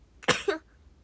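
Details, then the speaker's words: Young Japanese woman on a livestream, with rhinitis and hay fever, gives a single sharp sneeze: a quick intake then an explosive burst in a quiet room. "ちょっとごめんなさい、鼻炎でくしゃみしてるリラかわいいコーシこんばんは。"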